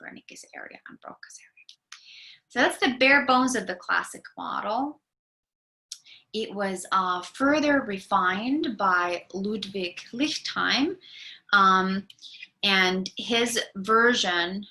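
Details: Adult lecturer; normal speech.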